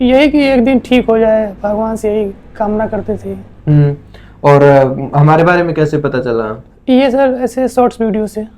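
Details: Adult male before treatment, with a high-pitched, female-like voice since childhood and no prior treatment; puberphonia.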